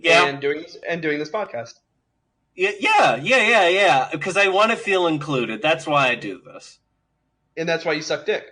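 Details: Adult male speaker; dysarthric speech (cerebral palsy).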